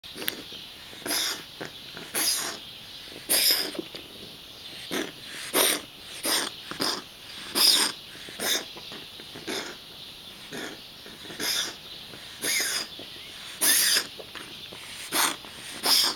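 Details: Dog that wheezes every morning and maybe once more during the day makes repeated harsh, hissing breath noises about every two seconds: wheezing.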